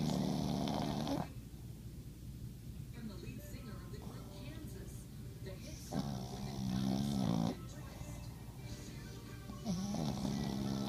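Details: Loud, rumbling snores recur every few seconds with quieter breathing between them; typical snoring.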